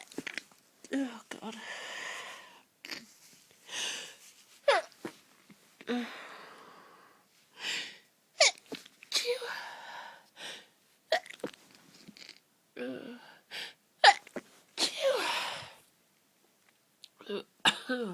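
A long run of short, muffled, half-held sneezes with quick catching in-breaths between them; repeated stifled sneezing.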